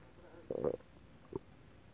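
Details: Adult, an hour or two after eating a whole pot of Japanese stew, during belly rub and oil massage: short gurgling growl then a brief bubbly pop; stomach rumbling (borborygmi).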